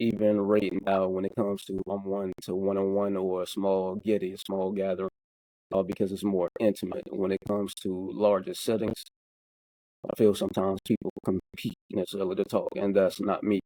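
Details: Adult man who stutters, speaking as a podcast co-host; stuttering.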